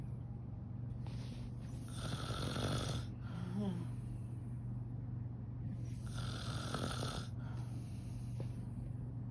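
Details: A mother and grandmother snoring while asleep: two long, rough, rattling snores about four seconds apart, with a steady hum in the room.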